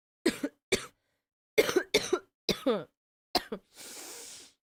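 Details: Several short, dry cough bursts, some in pairs, followed by a breathy exhale; cough from an adult who says they are sick and have been coughing all day.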